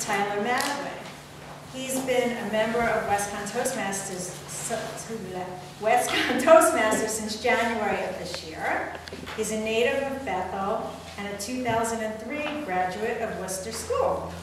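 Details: Adult woman speaking; normal fluent speech.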